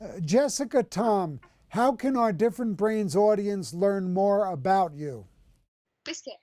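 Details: Adult speaker; normal speech.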